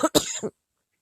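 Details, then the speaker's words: Adult sick with COVID, diagnosed with bronchitis in the ER, describing a very productive cough: two quick, harsh coughs with a rough, rattly quality suggesting loose mucus. "but um this cova that i had had a very very productive cough there's just a number of things that weren't typical from what i knew of cobid"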